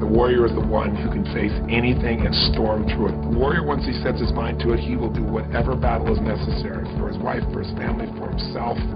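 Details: Adult man speaking; fluent speech.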